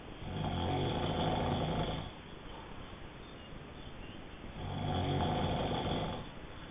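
Two long rattling snores on in-breaths with a quiet pause between, about 13 breaths a minute: ordinary snoring.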